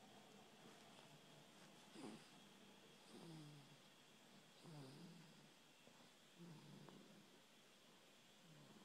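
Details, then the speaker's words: 5-week-old infant snoring lightly while asleep after nursing: soft, faint, snuffly snores at irregular intervals, about 40 a minute, over quiet room noise. "just snoring away. He's in a little milk coma after nursing, which I always think is so precious."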